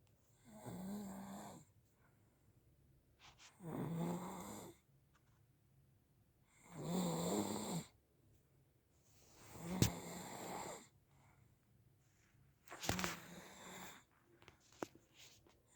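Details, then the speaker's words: Adult male snoring while asleep at night: five rough, buzzing inspiratory snores at about 20 a minute with quiet between them; ordinary snoring. "He actually snores at night. Here is proof."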